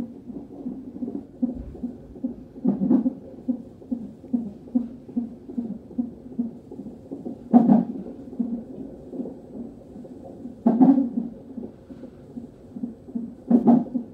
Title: Fetal non stress test ( nst )